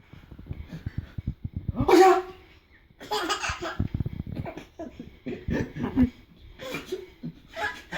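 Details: A father sneezes loudly and his baby answers with bursts of laughter: sneeze.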